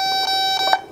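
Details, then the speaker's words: Faulty Datascope Spectrum OR patient monitor, failing to enter its service menu at power-on, sounds a loud continuous high-pitched electronic alarm tone with no response from any button. "i'll let go of the buttons and now it should go into the service menu but what we get is the beeping and that's it so nothing"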